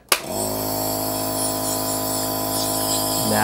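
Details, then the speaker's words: A portable nebulizer compressor switched on for sinus cleansing with a diluted hydrogen peroxide solution through a mask: a click, then a loud, steady mechanical hum and buzz with hiss. "now what we're going to do is we're going to turn this on and you should see mist coming out of the"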